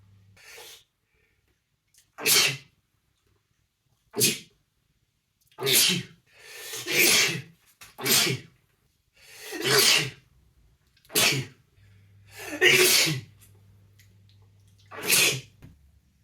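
A series of about ten sharp, hissing sneezes over sixteen seconds, with quiet gaps between them; repeated sneezing.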